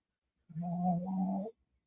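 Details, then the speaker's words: A sleeping dog snoring: a single loud, low, rumbling breath of about one second. "Both of my dogs snore. All three of us snore, actually. If I'm going to be honest, I snore too."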